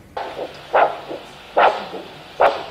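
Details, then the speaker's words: Pocket Doppler arterial pulse signal over a foot artery (posterior tibial or dorsalis pedis) during ankle-brachial index measurement; the cuff is inflated until the signal disappears, then deflated. "il faut chercher le bon signal lorsqu'on a un bon signal on bouge pas et on fait la même opération qu'en haut c'est à dire on gonfle jusqu'à disparition du signal"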